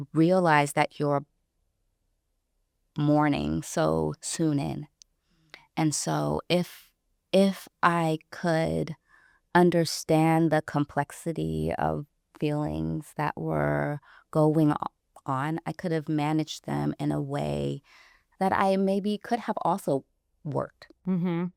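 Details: Adult woman, a caregiver, who self-identifies as a person who stutters, speaking in conversation; stuttering.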